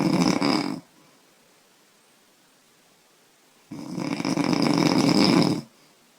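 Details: 25-year-old woman snoring heavily after drinking beer: loud, harsh, rattling, long drawn-out snores with quiet pauses between.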